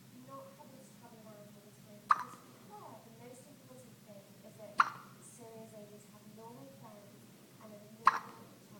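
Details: A 1-week-old baby with hiccups; three abrupt, sharp hiccup catches about every three seconds, roughly 20 a minute, with soft voices in the background; hiccups.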